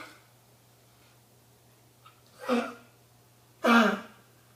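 Two short harsh coughs in a quiet room with a low steady hum.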